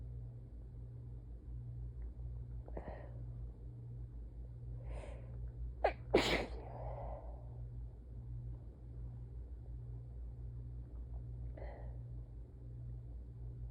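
A few breathy inhalations build to a sharp burst of two quick sneezes, then a softer breath, over a steady low hum.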